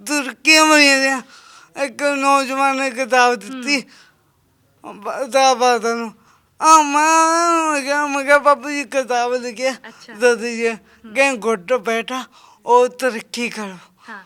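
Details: Stammering (speech disfluency) in a young man whose speech problem has been present since birth; he also has a disabled hand.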